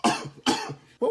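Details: Two sharp, explosive coughs in quick succession, with a third beginning as the sound ends: cough.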